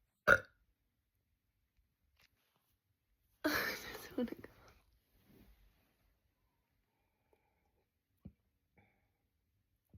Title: Even water makes me burp ;)) #tummy #bloated #burping #gassy #loudburp #soda #bellyfat #bloating #yt